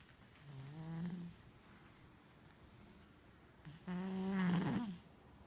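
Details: White cat sleeping then waking: two drawn-out, low, voiced groaning breaths separated by quiet; cat snoring.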